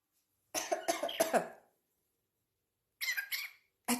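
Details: Two runs of short, harsh, explosive bursts, about four to five per run, with a third run starting at the end, though the uploader labels them sneezes; repeated coughing fits.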